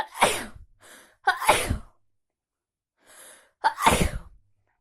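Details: Two forceful sneezes, each preceded by a sharp indrawn breath, from a person sick for a week with a worsening cold; repeated sneezing.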